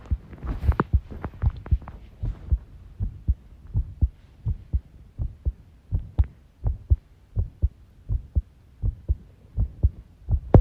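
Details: Heart sounds recorded while the person tidies a room, ASMR, stated to include arrhythmia; low thumping beats near 80 a minute with uneven spacing between some beats. Heart sounds with arrhythmia.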